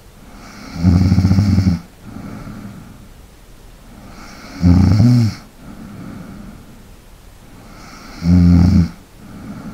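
Three loud, vibrating snores on breathing in, with softer breaths out between them, about 17 breaths a minute; snoring.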